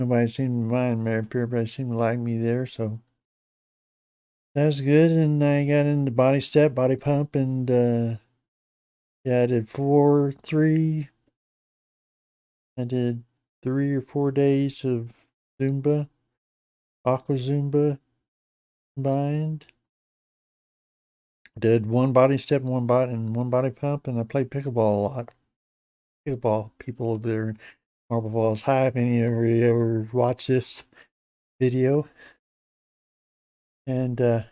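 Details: Adult man with Parkinson's disease for a little over 10 years, treated with deep brain stimulation since 2017, reporting his voice has declined and become less clear; hypokinetic speech in Parkinson's disease.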